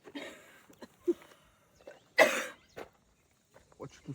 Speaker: Ouais, on dirait que tu t'envoies des gauloises, 20 gauloises par jour.